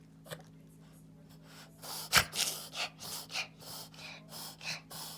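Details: Dog's reverse sneezing episode: a rapid run of harsh, snorting inhalations.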